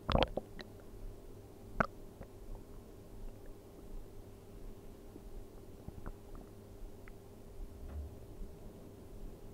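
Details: Stomach sounds recorded while sleeping on an empty stomach: soft gurgles and squelching bowel sounds at rest, ordinary hunger-related stomach rumbling (borborygmi).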